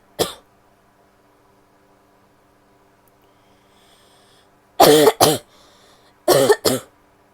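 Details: Female coughing: a single cough, then two pairs of loud, harsh coughs in a quiet room, five coughs in all.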